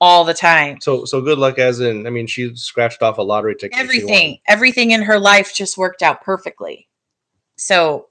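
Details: Adult speaker; unaffected voice.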